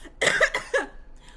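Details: Three quick, loose, rattly coughs from an adult suggesting mucus in the airways; wet cough.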